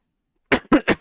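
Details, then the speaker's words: An adult streamer coughs into an unmuted microphone: three short, sharp coughs in quick succession after half a second of silence in a quiet room. "that I didn't mute there but you can hear cough"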